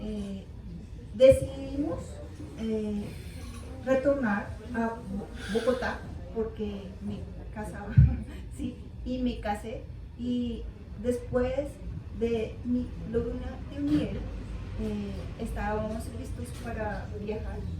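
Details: Aphasia in an adult woman, 13 years after a left-hemisphere cerebrovascular accident (ruptured aneurysm, haemorrhage) with a month in coma; initially unable to speak, read or write, with paralysis of half her body.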